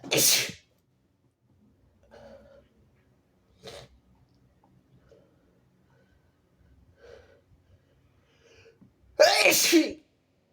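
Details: Two loud, very harsh sneezes, one at the start and one near the end, with quiet breathing between, from a sick nonbinary person (he/they) who also coughs harshly.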